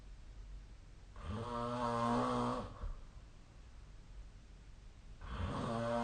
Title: 🐽 本日のイビキ / Snoring Sleep Sound 2025/04/08